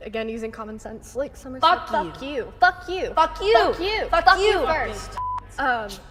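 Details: Woman with Tourette syndrome producing repeated involuntary cursing tics mid-sentence; coprolalia (vocal tics, Tourette syndrome).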